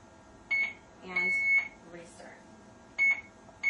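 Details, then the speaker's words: Alaris IV infusion pump occlusion alarm: repeated short high-pitched electronic beeps over quiet room noise, before the green light shows the line is open. "now you have your green light so you've gotten to see what it's like when you're occluded so if a patient bends their elbow or something like that and you get a occluded science that's what it's going to look like"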